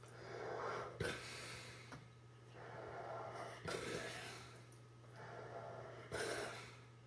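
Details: Sleeping Saint Bernard rescue dog with tongue out, snoring: slow, noisy snorting breaths about 24 a minute over a steady low room hum.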